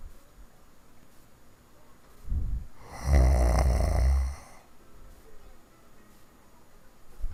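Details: Person snoring hard, recorded in 2015: a loud, deep rattling snore on an in-breath, preceded by a softer breath; heavy snoring.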